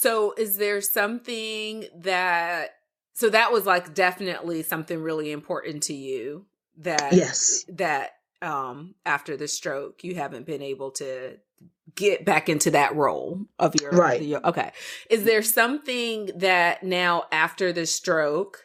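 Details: Adult woman speaking; typical speech.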